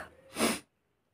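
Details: Sneezing challenge: one single sharp, hissing sneeze, then silence.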